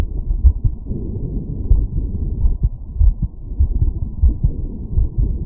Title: Heartbeat auscultation stethoscope heart sounds - Aortic valve after workload